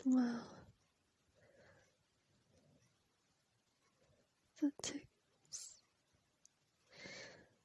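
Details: Female sneezing at night from a tickling nose: quiet sighing breaths and sniffs around a sharp sneeze burst with a pre-sneeze catch; poor audio, stitched clips.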